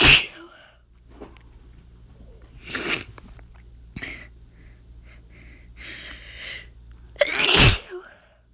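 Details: Hay fever (pollen allergy) sneezing fit: several forceful sneezes with softer sniffs and breaths between, ending in a loud sneeze.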